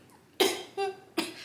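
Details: Three sudden, brief cough-like vocal bursts in quick succession breaking into a woman's speech; a vocal tic of her Tourette syndrome.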